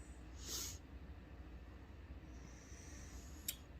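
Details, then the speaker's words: Sneezes from one described as a chronic sneezer, reported to be fine. "oh wait did you guys just hear those sneezes did you hear it that was milkshake she sneezes chronic sneezer"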